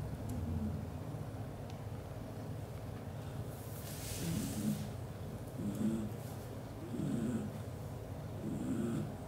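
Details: British Shorthair cat (black golden father) sleeping while hugging mother cat and kittens: soft, low rumbling snores in an uneven rhythm, about 40 a minute, over steady room noise.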